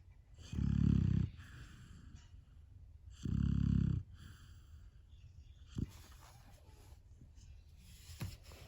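Two loud, low, rattling snores about three seconds apart, with quieter breathing between, from a sleeping puppy.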